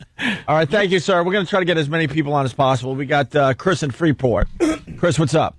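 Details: Adult male speaker; normal voice.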